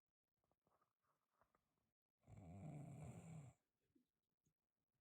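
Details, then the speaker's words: Adult man (a father) snoring: one loud, rough, low rattling snore lasting about 1.5 seconds, between quiet breathing and faint room sounds. "That's how loud my dad snores."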